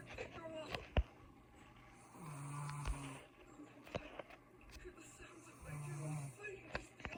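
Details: Mother snoring: low, droning snores with a rough rumble on two breaths, plus scattered clicks and room noise; ordinary snoring.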